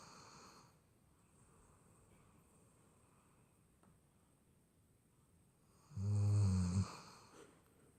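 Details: Sleeping dog snoring, recorded 25 May 2017: one loud, low, rattling snore on a breath after a quiet stretch in a small room.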